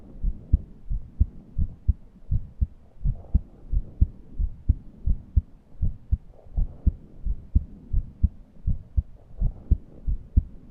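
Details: Heart sounds with wheezing from a person who felt suffocated and could not breathe deeply; regular low heart thumps at about 88 a minute with faint, higher whistling breath sounds rising and falling.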